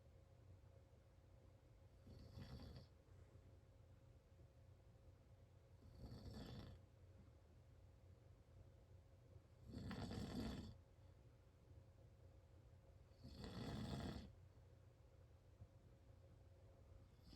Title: My dad snoring really loud